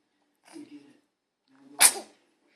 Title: He scares himself when he sneezes. Lol so funny!